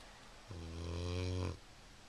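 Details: Snoring while asleep on the couch, heard from the kitchen: a single deep, rumbling voiced snore about a second long on a quiet background.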